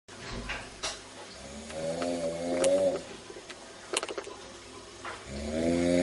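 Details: Very hard snoring: loud, rough, rattling snores on drawn-out breaths with quieter noisy breathing between.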